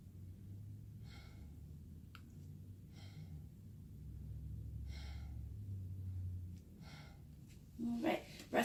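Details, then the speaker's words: 20-year-old woman in a student nurse's head-to-toe assessment, stethoscope on the back during deep breaths: soft, even, clear breath sounds about every two seconds, no crackles or wheeze, clear and equal with good air exchange bilaterally; normal vesicular breath sounds. "so I'm going to listen to your breath sounds now so anytime you feel my stethoscope on your back if you could just take a deep breath for me"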